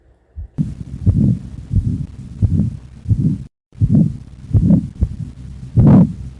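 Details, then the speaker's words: Teaching recording of systolic murmurs: heartbeats with a harsh whooshing murmur between beats, an aortic stenosis ejection murmur. "now let's weigh an aortic stenosis Mur"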